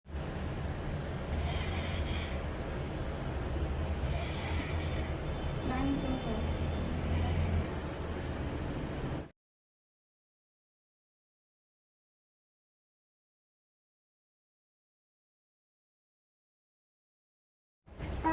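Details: Dog with heart problems: rapid, regular heartbeat with a continuous whooshing noise over the beats, consistent with a heart murmur.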